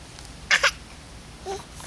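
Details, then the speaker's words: Young child's imitated sneeze on request: a quick two-part "achoo" in a quiet room, a fake sneeze. "Hey? , can you sneeze? Do you know how to do a sneeze? Shoo!"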